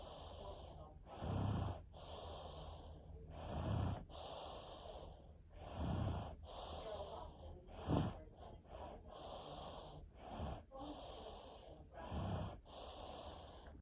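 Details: A sleeping child who has had strep throat and a head cold for over a week, and snores whenever ill, makes snorting, rumbling breaths about 27 a minute: snoring.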